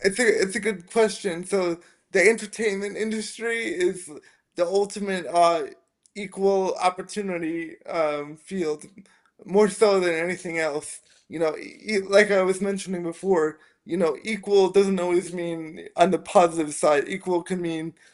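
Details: Dysarthria in a 27-year-old man with spastic quadriplegic cerebral palsy from a brain injury at premature birth (three months early, triplet), affecting his motor function, balance and speech; real, not acted.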